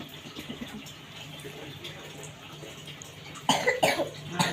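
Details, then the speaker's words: A child with a cold and runny nose gives two or three short coughs after quiet room noise, while a home remedy of garlic and turmeric is applied to the nose, chest and back. "itu dia batuk saya tak tipu ya dia batuk dan sesama Bunyi kan Nah itu dia memang lagi batuk ya lagi pilek"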